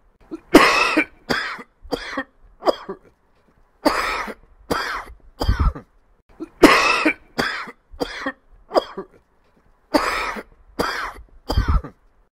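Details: Harsh dry coughs in four short bouts of several quick bursts each; irritative tickly cough, sound-effect recording.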